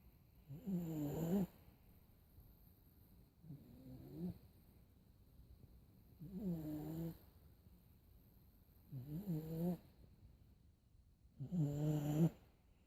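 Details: 17-month-old sleeping boy: five rhythmic vibrating breaths, about one every 2.7 seconds, roughly 22 a minute, in quiet: soft toddler snoring.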